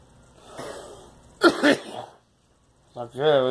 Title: Girl coughing